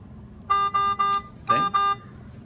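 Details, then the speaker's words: Five short, bright electronic beeps from an inhaled nitric oxide delivery system during a pre-use alarm verification check, signalling low NO/cylinder valve closed. "what you're looking for on your monitor is the alarm that says no n2 is low no2 is low and you'll see it pop up right now in a second"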